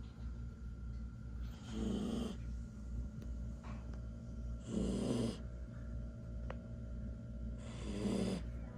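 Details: 11-week-old Samoyed puppy asleep: soft, rhythmic snores about every three seconds, roughly 20 a minute, over low room hum; ordinary sleep snoring.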